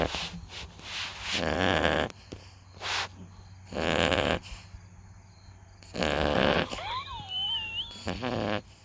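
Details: Loud, rough, rhythmic snores from a sleeping puppy, with breathy noise between them and a brief chirp in the background: snoring.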